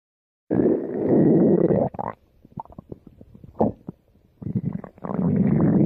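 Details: Loud, long rumbling gurgles with bubbling pops between them; ordinary stomach growling (borborygmi) from gas and fluid moving through the gut.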